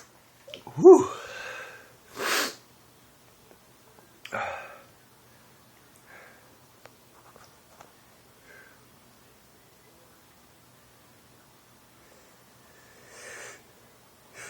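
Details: Man with daily allergy sneezing since 2011, doctor-diagnosed allergies to dust, pollen and trees: sharp inhaled gasp, explosive burst, a second smaller burst, then quiet sniffs; sneezing.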